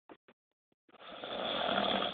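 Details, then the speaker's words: Loud, harsh, rattling snore building on the in-breath, preceded by a few faint clicks, from a sleeping adult; snoring. "This is you snoring."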